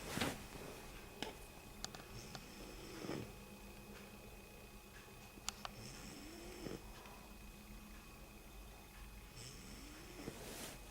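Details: Baby sister asleep: soft, regular breathing noise with faint snoring on breaths about every three to four seconds, quiet room with light clicks; snoring.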